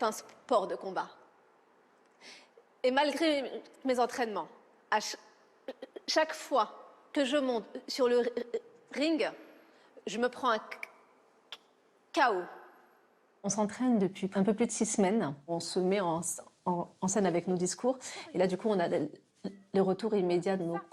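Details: Stuttering since early childhood in a female adult triathlete, with particular difficulty on the letter R, certain numbers, syllables and consonants; stuttering.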